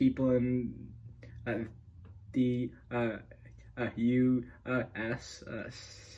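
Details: Adult male speaker; stuttering.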